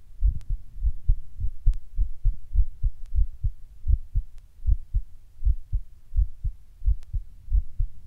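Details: Person sitting down when the heart starts beating weird and hard, sometimes getting fast: strong, fast heart thumps at roughly 130 a minute with uneven spacing and varying force. Irregular heartbeat with palpitations.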